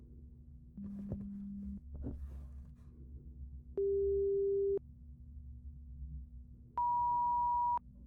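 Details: Simulated ASMR hearing-exam roleplay: three steady one-second pure-tone audiometry beeps rising from low to mid pitch (test range 174–1000 Hz) through headphones, played in both ears and then the right side, over faint hum and rustling.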